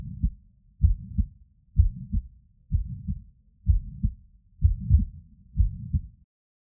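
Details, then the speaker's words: Heart murmur in a 62-year-old man with advanced chronic airways disease and worsening breathlessness, on cardiovascular examination: heart sounds at about 63 per minute with a blowing noise filling the gap between beats; diagnosis left as a challenge. "A 62-year-old man with advanced chronic airways disease presents with worse and breathlessness. You perform a cardiovascular examination and hear the following."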